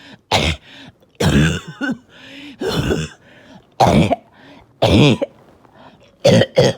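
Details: Evening coughing fit that came on suddenly with difficulty breathing after oxygen levels were good all day: about seven harsh cough bursts with groaning throat-clearing and strained breaths between.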